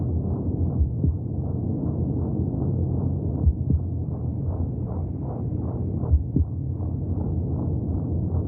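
Muffled, rapid rhythmic whooshing pulses over a deep rumble, with occasional heavier paired thumps, like heartbeat sounds inside the womb.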